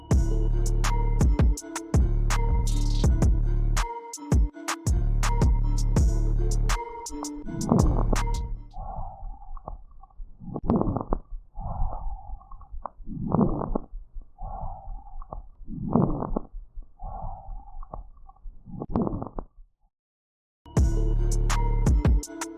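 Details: 70-year-old man, EMS call for shortness of breath after dinner: fast, labored breaths with wet, whistling wheezes mimicking bronchospasm; cardiac wheeze from pulmonary edema.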